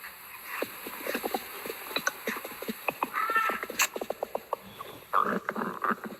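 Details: Adult's stomach rumbling after eating sausage, with bloating tagged: frequent short gurgles and pops with brief bubbling runs of active bowel sounds (borborygmi).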